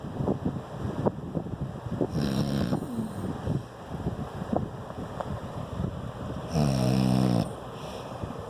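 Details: Low rumbling snores with a loud buzzing inspiratory snore near the end, over steady room noise; ordinary snoring during sleep.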